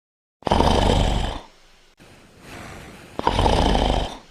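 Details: Man's heavy snoring in a comedy short, his wife bothered by it: two very loud, rough, roaring snores with a quieter breath between them.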